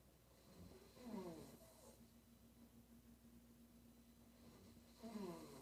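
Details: Female sleeper snoring: two rattling, fluttering snores about four seconds apart, with a faint steady room hum.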